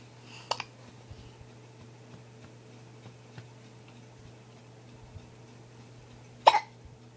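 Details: Infant with hiccups in a quiet room in winter: two short, sharp gulping sounds about six seconds apart. Hiccups.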